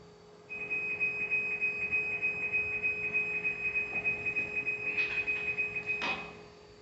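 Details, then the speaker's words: Steady pulsing motor whine with a high tone, a few clicks, then winding down: an automatic blood pressure cuff inflating as a long-term dialysis patient takes his pressure after finishing a 3.5-hour dialysis session. "So I'm going to take my pressure now. When you're taking your pressure, it's always good to relax."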